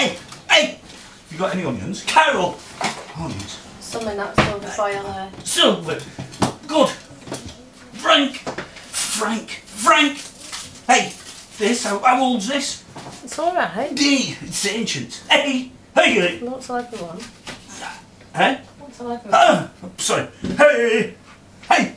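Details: 46-year-old man with Tourette syndrome; a small motor tic developed into full-blown Tourette's after trauma in March 2009; repeated vocal tics such as "hey" interrupting ordinary talk; tics later progressed to loud outbursts of inappropriate language.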